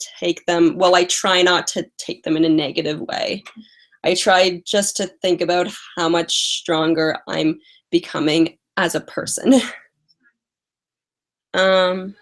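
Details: Adult female with a lifelong stutter, mostly blocks, especially on vowel-initial words and more on 't' and 'c' sounds; past speech therapy; has a cold and is tired; stuttering.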